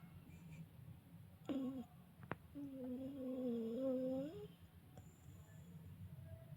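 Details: Someone sleeping peacefully beside their mother, recorded up close with the camera flash off, gives a brief and then a longer soft, tonal snore in a quiet room; intermittent snoring.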